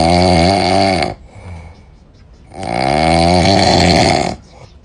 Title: ลิงก็นอนกรนเหมือนกัน 😝